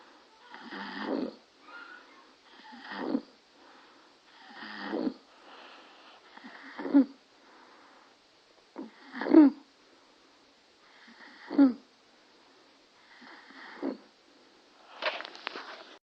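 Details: Stridor in a baby: harsh, noisy breaths at about 28 a minute from a narrowed upper airway.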